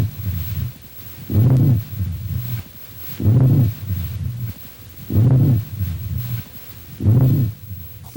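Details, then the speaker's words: Low-pitched, rumbling, snore-like sounds with each breath, heard on lung auscultation; rhonchi from wall vibration of the large bronchi, suggesting secretions in the large airways. "e os roncos são sons graves originados pela vibração das paredes broncas e sugerem a presença de secreções nas grandes vias respiratórias"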